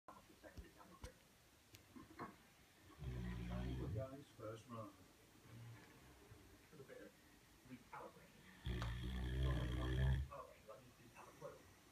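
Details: Great Dane, very tired after a long walk and play fighting with her brother, snoring in sleep: two deep, rumbling snores several seconds apart in a quiet room.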